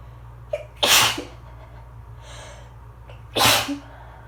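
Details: Allergy sneezing fit after a long, hard-to-release build-up; the person was lightheaded afterward. Two forceful sneezes, each with a brief in-breath.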